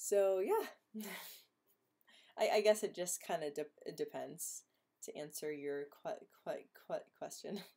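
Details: Stuttering in a female host of a stuttering livestream hangout who refers to herself as stuttering.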